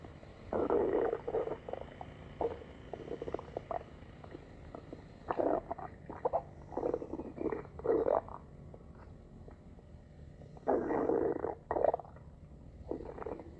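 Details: Borborygmi: low gurgling rumbles of stomach and bowel growling in bursts of about a second, repeating over several seconds, from ordinary gut movement.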